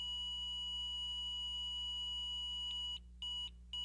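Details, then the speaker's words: ZOLL M Series defibrillator after the shock prompt: continuous tone for 10 seconds, then intermittent beeping about two a second for 5 seconds, warning it will disarm unless the shock is delivered within the 15-second interval. "a continuous tone will sound for 10 seconds followed by an intermittent beeping for 5 seconds"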